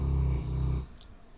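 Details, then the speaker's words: Female dog snoring in the background of a room: a low, rumbling, buzzy breath lasting under a second, then quiet room noise; a dog's snore. "Bon, ça, les ronflements du chien ont l'air de rester du bruit de fond. Qu'est-ce qu'elle ronfle?"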